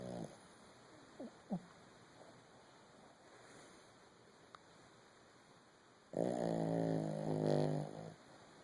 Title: snoring